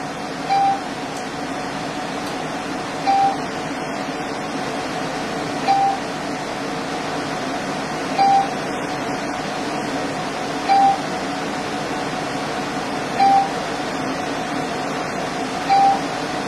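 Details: Underarm laser hair removal on a female model with Fitzpatrick type 3 skin, using a self-cooling red handpiece with 20% pulse overlap: short tones repeat about every two and a half seconds over a steady machine hum, one per pulse.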